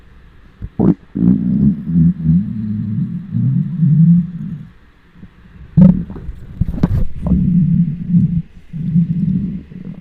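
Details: Hunger stomach noises recorded with a microphone on the belly of a self-described giant: loud, long, deep gurgling and rumbling with brief bubbling pops from an empty stomach; normal borborygmi.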